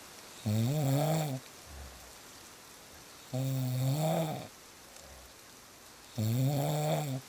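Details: Real snoring: three loud, rough, rumbling snores on inhalation about every three seconds, over a steady rain-like hiss.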